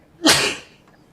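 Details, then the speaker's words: Person with sniffles, sneezing and coughing during a live talk stream: a single sharp, explosive sneeze with quick intake and burst of air; sneezing. "Oh my god. A triple sneezy."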